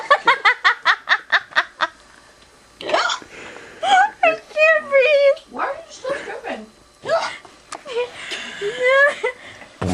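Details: Person with hiccups and uncontrolled laughing: a quick run of about ten sharp, rhythmic vocal catches, then bouts of laughter broken by further catches; hiccups with laughter.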